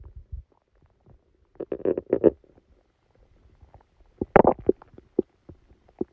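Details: Quiet short gurgles and clusters of bubbling rumbles separated by near silence: bowel sounds during a stomachache after Christmas dinner, recorded while the person was sleeping.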